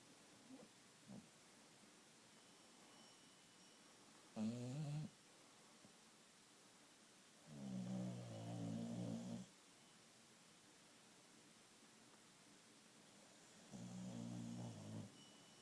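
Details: Three slow, low rumbling breaths with long quiet gaps between them in a still room: snoring during sleep.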